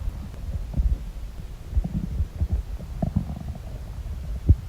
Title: Stomach noises !!~ (( gurgles, churns, groans, movements, etc •